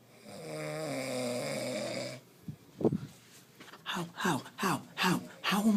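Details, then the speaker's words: Snoring by a roommate at about 4:30 a.m.: a single long, loud buzzing snore lasting about two seconds, followed by short exclamations from the sleepless person in a small room. "how am i supposed to sleep with that how somebody explain it to me it's just not possible listen just listen he could wake up the dead he'd wake up to death with that snore"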